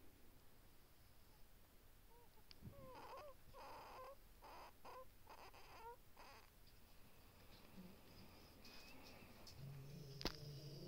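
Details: Breathing with a run of brief, high, whining squeaks, sounding like a whimpering baby.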